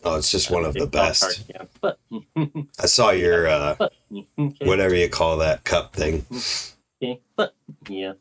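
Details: Adult man; ordinary speech.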